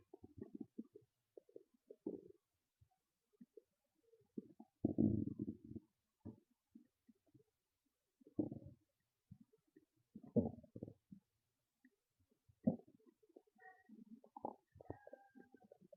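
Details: Loud stomach growls and gurgles: low gurgles and rumbling growls in irregular bursts with quiet gaps; ordinary stomach growling.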